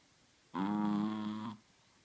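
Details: A sleeping Chihuahua gives a single one-second droning, tonal snore in a quiet room; snoring.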